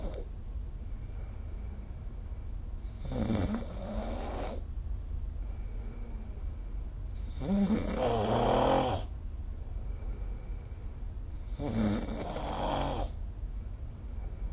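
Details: Three rough, rattling snores about four seconds apart, each on an in-breath, over steady room hum, recorded during sleep with the SnoreLab app; ordinary snoring.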